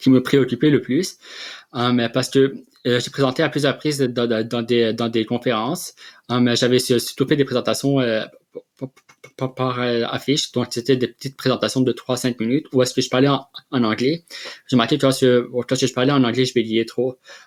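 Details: Adult man who has stuttered since childhood and has received speech therapy interventions; stuttering.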